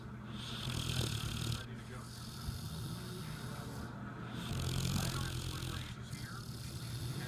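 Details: Snoring "like a train": loud, rumbling, low snoring in drawn-out cycles with brief pauses between breaths; ordinary snoring.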